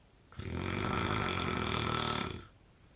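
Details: Man called the world's loudest snorer: one long, rough, rattling snore lasting about two seconds.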